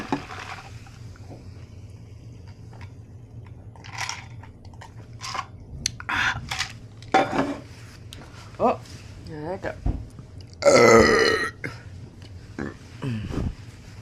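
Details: Person eating French fries and drinking soda: quiet eating sounds and room noise, then one loud, drawn-out voiced soda burp near the end; burping.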